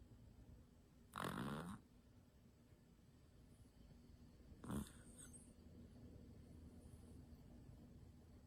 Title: Cutest snore ever 🐶💤 | #animalvideos #trending #funnyanimals #viral #shorts #cuteanimals